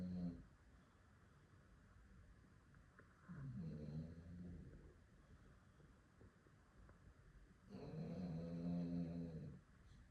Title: Funny sleeping gesture and snoring after going outside for a few hours